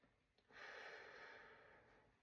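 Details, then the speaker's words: Lung auscultation during head-to-toe assessment, patient taking deep breaths through the mouth: one smooth breath, air moving fluently through all lungs, no adventitious sounds, wheezes or crackles. "So, it sounds like air is moving very fluently through his um all of his lungs. I hear no advantageous breath sounds um wheezing, crackles, rails, anything like that."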